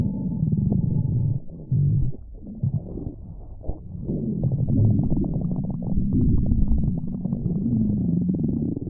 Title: Splendid Stomach Rumbling V5